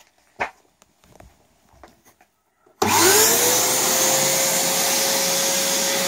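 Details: Homemade garage ventilator prototype built from a wet-and-dry vacuum cleaner with a drill-driven cam changeover valve, not tested on anyone: quiet clicks, then a loud steady vacuum-motor roar with rising whine.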